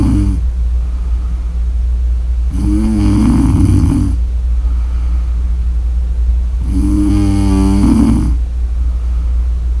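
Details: Snoring during sleep: loud, vibrating snores about four seconds apart, roughly 14 a minute, over a steady low hum.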